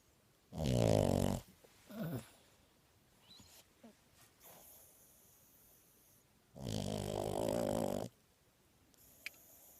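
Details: Loud, rough, snoring-like breaths with softer snuffles between, in a quiet room, from an awake French bulldog; snoring while awake.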